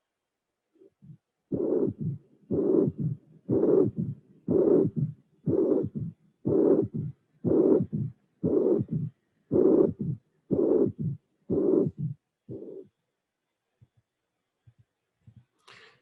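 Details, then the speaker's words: Severe mitral regurgitation: regurgitant murmur, then a third heart sound followed by a very short low-frequency mid-diastolic flow murmur distinct from the regurgitant jet; recording electronically built with three beats without murmur before the murmur appears. "i hope that you appreciate the fact that after the third sound there is a a small murmur very short low frequency different from the regurgitan jet"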